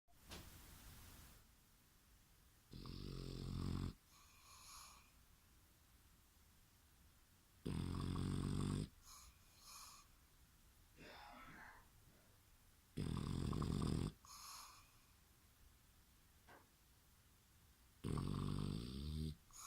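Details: A sleeping dog snores loudly on each in-breath, about 12 breaths a minute, with softer snuffles between.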